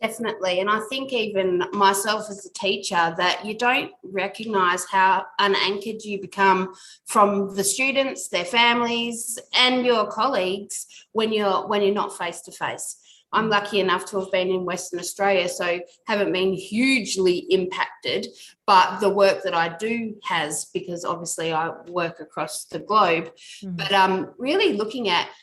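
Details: Adult woman speaking; normal voice.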